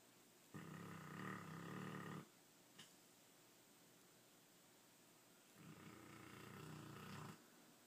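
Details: Dog snoring during sleep: two rough, rattling snores about five seconds apart with quiet breathing between.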